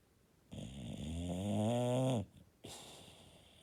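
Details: Bulldog snoring: one long, rattling, droning snore on the in-breath, then a softer airy out-breath; loud snoring in a flat-faced dog.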